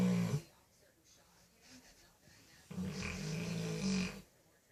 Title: cane corso snoring